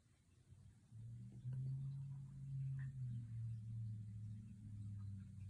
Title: cat snoring and dreaming